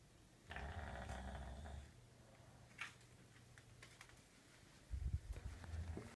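Two low, rumbling breaths about four seconds apart in a quiet room. Snoring during sleep.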